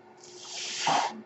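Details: Home mechanical ventilator breath.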